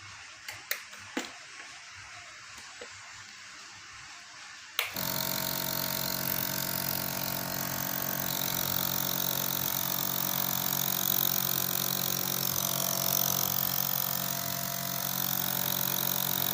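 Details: Handling clicks, then a loud, steady buzzing motor hum starts and runs on: a piston compressor nebulizer running during unboxing.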